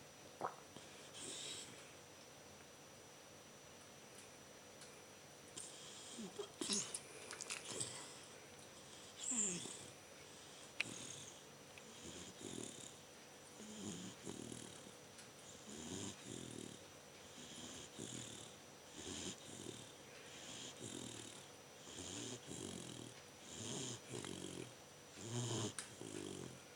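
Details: 3-month-old Bernese mountain dog puppy snoring while napping after a big meal: steady, rhythmic, rough noisy breath with each cycle.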